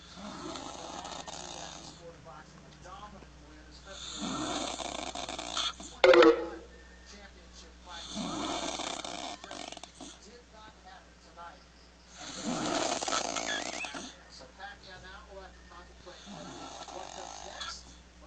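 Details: Construction worker with mild sleep apnea, sleeping: loud rattling snores about one every four seconds, with a brief louder snort partway through; heavy, struggling snoring.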